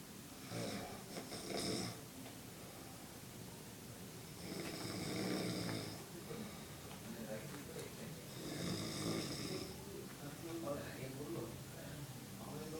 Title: The great snore-zilla